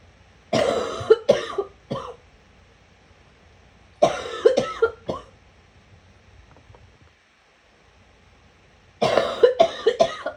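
Three bursts of rapid, harsh coughs, each a quick run of three or four, with a retching, gagging quality.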